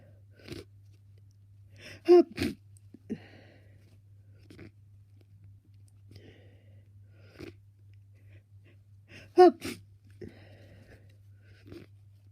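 Repeated sniffs with two bursts of sneezing, the congested sniffing of a blocked nose, over a steady low hum.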